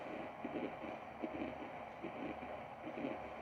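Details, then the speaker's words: Handheld fetal Doppler, repaired and demonstrated on an adult's own pulse without conductive gel: faint, regular whooshing heartbeat pulses of about 75 a minute in a steady hiss. "batida não está muito bom som porque eu não tenho aqui o gel de condução que é utilizado"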